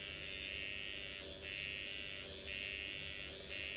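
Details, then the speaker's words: Microneedling pen passing over own numbed face, going down in lines, then horizontal, then diagonal, pushing collagen/hyaluronic acid into reddening skin; continuous high buzz with slight tone changes; microneedling pen on skin. "So right now what's happening is that collagen, that hyaluronic acid, is going into the skin. And then I'm going horizontal."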